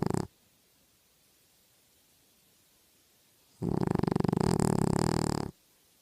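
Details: Pet snoring in a quiet room: a short sound, a pause of about three seconds, then a two-second rattling, fluttering inhalation snore.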